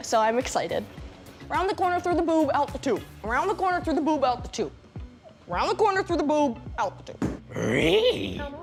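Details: Young woman with an extreme form of Tourette syndrome, whose vocal tics are being worked on with CBIT therapy: Tourette syndrome vocal tics.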